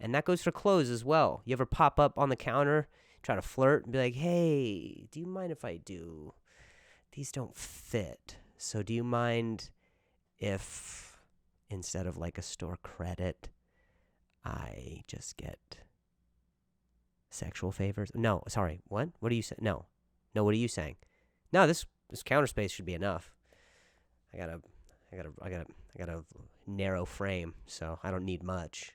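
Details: Male comedian's real stuttering while speaking on his own podcast; stuttering.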